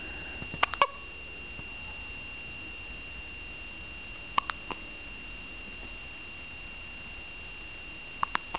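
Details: First hiccups: three brief, sharp, clicking hiccups, some closely paired, spaced several seconds apart in a quiet room.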